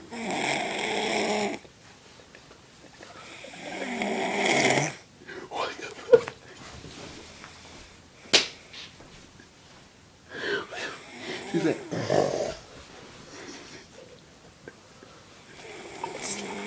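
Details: A sleeping female snores loudly and roughly every few seconds, with quiet pauses between snores: snoring.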